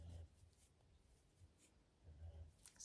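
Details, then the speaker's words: Low, rumbling, very loud snores from an older female pet dog sleeping in the corner of a quiet room, with two louder snores about two seconds apart, while the owner counts crochet stitches aloud; snoring. "Apologies if you can hear my dog snoring. Two, three, four, five, six, seven, eight, nine. As she's got older, so I'm missing two. She's got a very loud snore."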